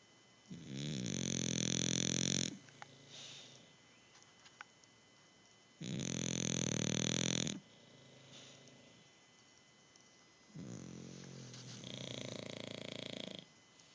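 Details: Loud, buzzing snores every few seconds with softer breaths between them, about 12 a minute; dueling snorers, snoring.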